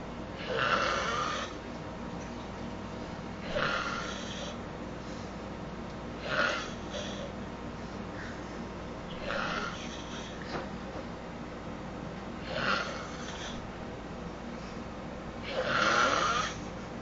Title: Old man is snoring